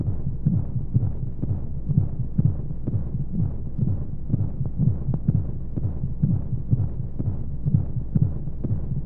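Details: Womb sound for baby sleep: steady, muffled, double-thump heartbeat at about 60–65 beats a minute under a soft hum of white noise and monotonous flowing sounds. Heartbeat.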